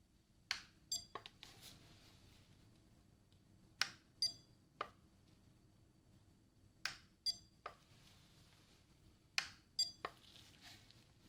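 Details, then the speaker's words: Short high beeps in small clusters, four groups with quiet gaps, from a handheld tool in a simulated hearing check during an ASMR medical exam roleplay; listener asked to say when they hear the sound. "Now, I'm going to be making this sound. So, I want you to tell me when you hear that sound."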